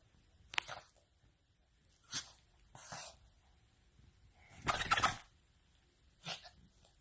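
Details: Repeated sneezing: several short, sharp nasal bursts in a small room, the loudest near the end.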